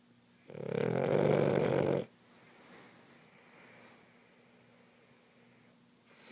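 One loud, rough, vibrating snore lasting about one and a half seconds, followed by quiet breathing.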